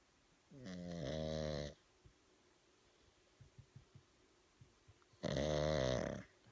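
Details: Lazy pug sleeping with one eye open gives two long, buzzing snores about five seconds apart, with soft clicks and snuffles between: dog snoring.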